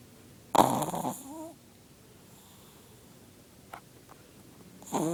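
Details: Chihuahua snoring really loudly, at times with its eyes open: a loud snorting snore in a quiet room, then only faint breathing before the next snore.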